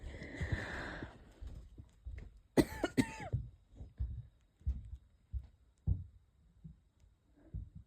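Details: Several light, short coughs with throat clearing, a slightly wheezy, tight quality and a couple of stifled sneezes; the person is unsure whether it is a cold or an asthma flare.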